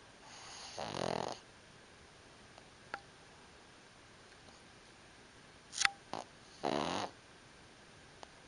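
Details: Two loud, rough snoring breaths a few seconds apart with faint snuffles between, from a sleeping pug; snoring.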